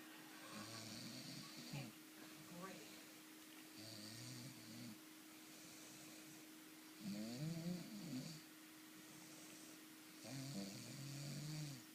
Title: Proof of Snoring